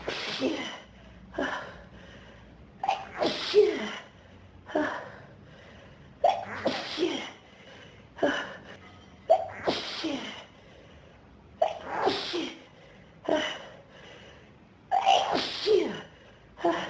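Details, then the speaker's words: Sneezing fit from dust allergy in a person with pollen and dust allergies since about age 14, in a dusty room: about eleven sneezes in quick succession, each preceded by a sharp in-breath. "There's too much dust in this room. It's making me so weak to sneeze. It's teasing me. I'm gonna sneeze."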